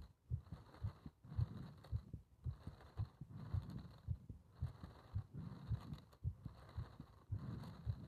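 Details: Heart sounds during paper-bag rebreathing, part 1: fast, fairly regular low thumps at about 110 a minute over steady breath and room noise.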